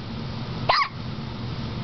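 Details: Seven-day-old newborn hiccuping uncontrollably, not eased by chest rubbing or water: single short, sharp hiccup over steady background noise.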